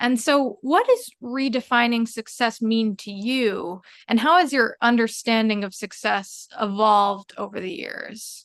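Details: Adult woman speaking; typical speech.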